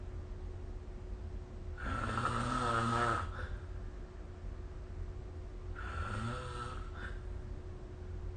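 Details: Snoring during sleep recorded with the SnoreLab phone app: two rough, fluttering snores on breathing in, about four seconds apart, over a faint steady room hum.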